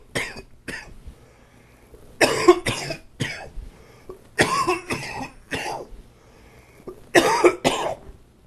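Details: About ten harsh, moist-sounding coughs in short bursts, singles and pairs, with quiet pauses between; chest cold cough.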